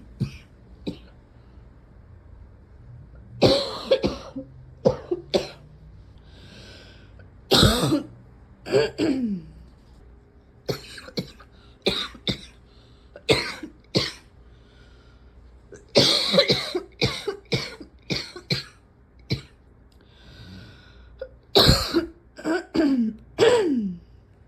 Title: #71 - very tight chested coughing